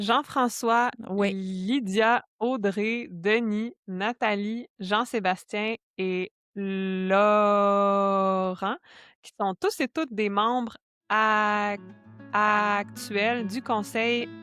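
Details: Adult woman who stutters, a speech-language pathologist and doctoral candidate in speech-language pathology; stuttering.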